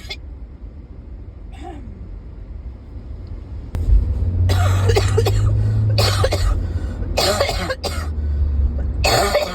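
Repeated harsh coughing bursts, about five in quick succession, over a low rumbling background; a persistent cough.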